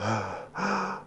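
A harsh, effortful gasping breath from a dog straining to pull air past a swollen upper airway; respiratory distress with the tracheostomy tube occluded.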